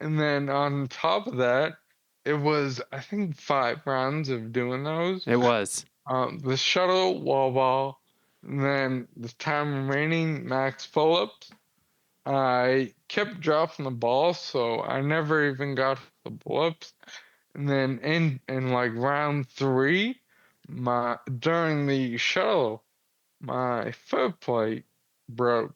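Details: 35-year-old man with Friedreich's ataxia, a progressive inherited neurological disease diagnosed at 19, affecting muscle coordination including jaw and tongue movement, speech problems noticeable since about age 33-34, wheelchair user; ataxic dysarthria.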